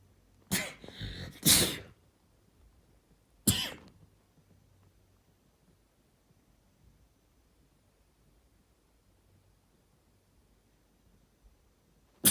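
A loud two-part sneeze with an intake and explosive burst, then a shorter second burst, in a quiet room; an ordinary sneeze.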